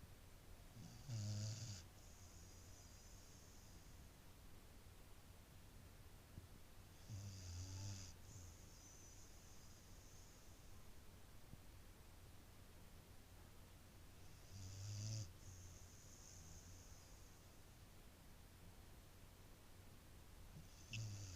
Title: Boris The Beagle Snoring